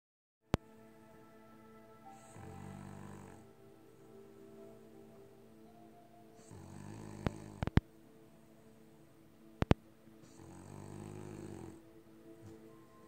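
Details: Sleeping on the couch: soft, rumbling snores on each breath, about three in thirteen seconds, with faint music and clicks in the background; snoring.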